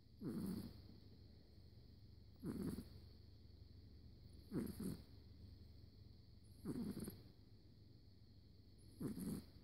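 Short, low, fluttering snores recurring about every two seconds, roughly 27 a minute, over faint steady room hum: snoring.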